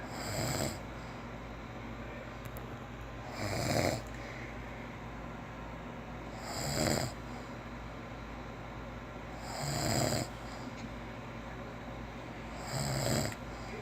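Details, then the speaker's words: Loud, rough snores at regular intervals, about 19 breaths a minute, with quiet pauses between them, from a sleeping father whose wife reports 21 years of nightly snoring; snoring. "gente vai filmar o pai do Joaquim roncando pra postar lá no YouTube, no canal dele, tá?"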